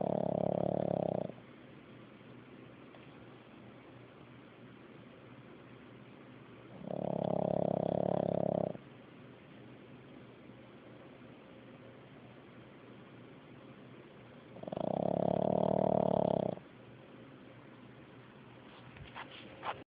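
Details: Steady, droning snores roughly every seven seconds, each about two seconds long, with quiet breathing between; snoring.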